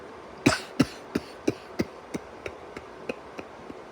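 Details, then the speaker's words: Adult demonstrating a habitual signature cough, held in until unable to: a run of about eleven small, muffled, held-back suppressed coughs, fading in strength. "And then I'll do these do these little suppressed little hits. That's what I like to call these little suppressed muffled coughs."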